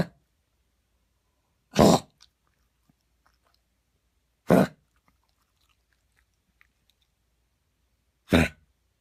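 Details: Dog with coughing fits that began while running in a park and recurred the next morning: three harsh, abrupt coughs a few seconds apart in a quiet room; it sometimes acts as if trying to cough something up.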